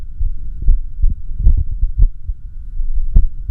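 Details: Self-recorded echocardiography (cardiac ultrasound) of the recorder's own heart during an arrhythmia: low thudding heartbeats, unevenly spaced with a pause, over a steady hum; irregular heartbeat.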